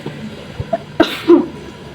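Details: Nursing student demonstrating cough etiquette gives a single brief, deliberate voluntary cough, muffled as if covered by a hand, in a quiet room.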